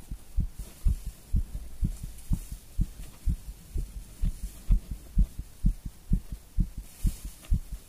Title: STRONG HEARTBEAT WITH COFFEE AND NICOTINE